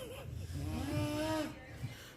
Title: खर्राटे ki hunkar